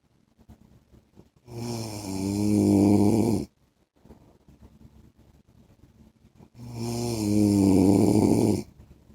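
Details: Husband's heavy snoring in sleep: two long, loud, rattling snores on inhalation about five seconds apart, quiet exhalation between.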